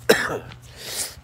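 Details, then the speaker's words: Adult male with pneumonia who feels like there is water in his lungs, coughing a lot with shortness of breath: a single harsh, forceful cough burst followed by a breathy exhale; cough in pneumonia. "It's like there's water in them or something. Doesn't feel good. It's making me cough a lot, and it's shortness of breath."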